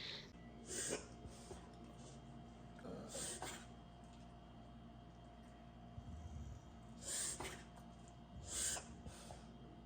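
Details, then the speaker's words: Aussie dog reverse sneezing: four sharp nasal snorting bursts; vet suggested post-nasal drip or allergies as cause. "That's called reverse sneezing. It's probably a post nasal drip or allergies or whatever.""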